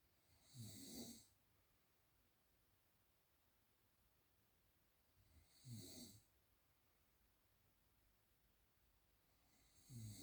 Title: How can one sleep with these snoring sounds???